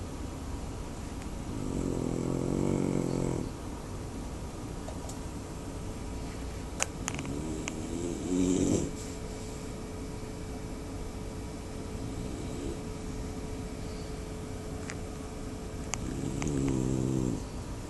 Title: snoring ...so loud !!!!咁鬼大聲，有無搞錯!!